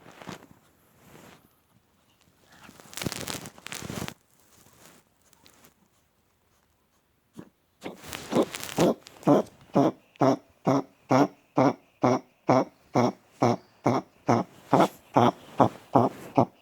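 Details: Chihuahua born with a heart murmur, diagnosed with congestive heart failure, mitral and tricuspid valve disease, after medication: long run of rhythmic harsh hacking coughs, cardiac cough of congestive heart failure.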